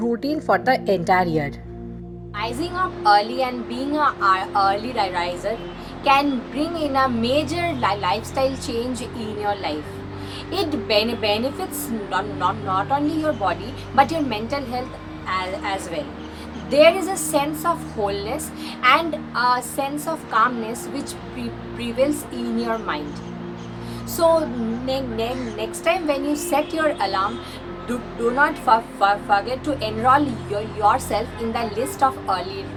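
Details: Female vlogger who identifies as a person who stammers; stuttering with word repetition.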